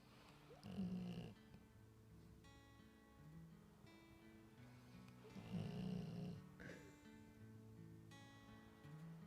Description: My dog fell asleep with her new ball in her mouth. She is a funny snorer :)